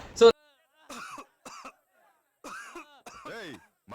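A single sharp cough opens the clip, followed by short voiced phrases of speech.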